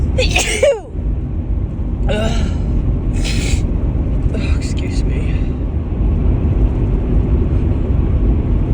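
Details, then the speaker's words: Woman with several sharp, harsh sneeze bursts in the first half over a steady low room rumble. She reports a tickling nose and sneezes harsher than her usual ones, and suspects a grass pollen allergy. "Oh, it was a big sneeze, holy shit. Oh my goodness, excuse me."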